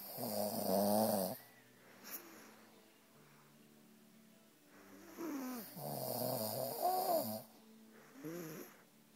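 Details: Loud, long rattling snores in a quiet room with breath pauses between them; child and father snoring in turn.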